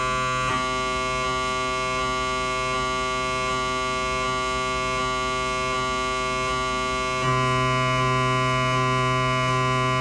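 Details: Siemens MAGNETOM Lumina 3 T MRI scanner during an abdominal exam: steady electronic tones with regular soft pulsing, about four a second, stepping up in pitch partway, sounding like a localizer sequence; MRI scanner noise.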